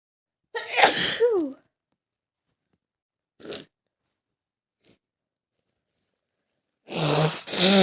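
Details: Woman acting a scenario of a cold caught from office air conditioning: two loud sneezes, a sharp sniff and faint breath, then a forceful nose blow; simulated cold.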